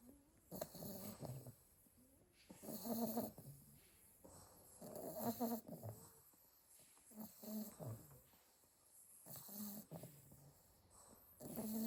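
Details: Litter of 8 sleeping Staffordshire bull terrier puppies: soft, irregular snoring breaths, about 27 a minute, with quiet pauses between; snoring.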